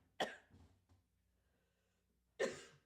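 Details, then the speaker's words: Two sharp, forceful coughs with softer throaty sounds between, from an adult who accidentally inhaled water while talking during a live piano performance stream. "just inhaled my water. Sorry about that. I'm going to play the piano while I cough."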